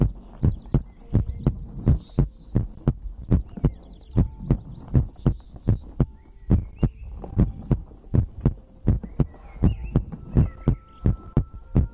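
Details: ASMR heartbeat-and-breathing compilation recording: steady, regular low heart thumps at about 81 beats a minute with faint background tones; normal heartbeat.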